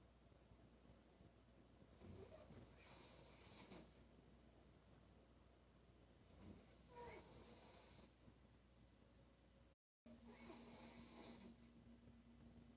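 Three long, noisy, hissing breaths with a rough rattle, about 15 a minute, consistent with loud snoring during sleep.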